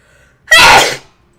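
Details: Female streamer gives a single sharp, explosive sneeze lasting about half a second in a quiet room, then says excuse me and snorts.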